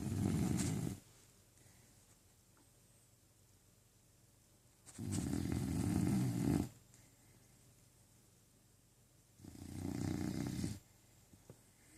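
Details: Deeply asleep, seemingly dreaming, and snoring loudly: three loud, low, rumbling snores about four seconds apart with quiet pauses between them.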